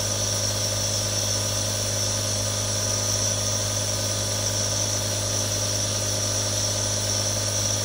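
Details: Real recording of three different nebulizers for relaxation ASMR: a steady mechanical hum with low buzzing tone and continuous hiss, an aerosol nebulizer running.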